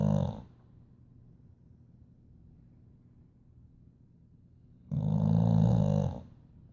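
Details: Boxer dog in a deep afternoon sleep: two low, rumbling, rattling snores about five seconds apart with quiet between; snoring.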